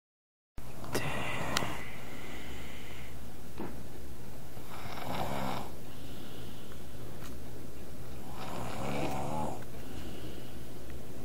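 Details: Loud snoring: rough breaths recurring about every four seconds over a loud steady low hum, partly masked by room noise.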